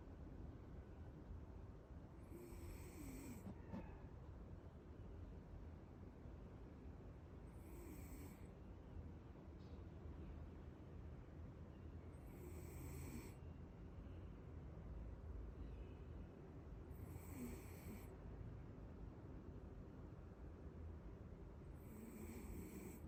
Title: cuddle and snore